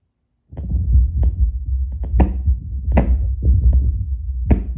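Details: Steady low thumping heartbeat at about 75 beats a minute from an adult's own chest, played aloud via Bluetooth Littmann CORE stethoscope at baseline before espresso, with some rubbing noise; normal heart sounds.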